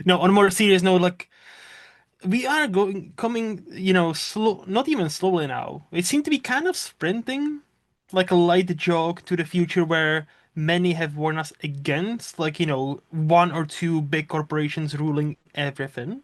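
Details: Adult male speaker; normal voice.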